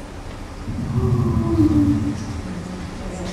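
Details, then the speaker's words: Simulated wheeze from a lung sound simulator: a musical, whistling tone over breath noise, inspiratory or expiratory timing to be judged. "the only one where we are interested in knowing whether it's inspiratory or expiratory are wheezes"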